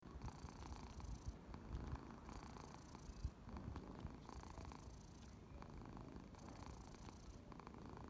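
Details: Ginger cat snoring while asleep.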